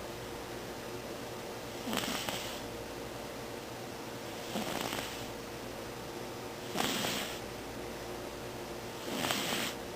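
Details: The "little guy" snoring loudly in his sleep, sawing logs; snoring.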